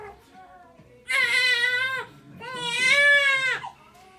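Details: 2-week-old baby girl during her first chiropractic adjustment: two loud, sustained wails, each about a second with a falling end; an ordinary infant cry.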